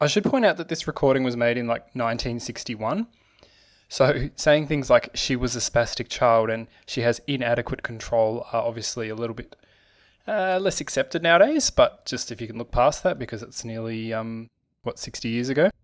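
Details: Adult male narrator; normal speech.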